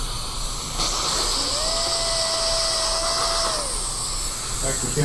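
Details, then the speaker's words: Dental drill: steady high whine rising and falling as it starts and stops, over suction hiss, making a hole through a CT-guided stent for a mini dental implant. "we made our next hole we're going to use a 13 mm implant now in the third hole because that's what the CT stent prescribes it in"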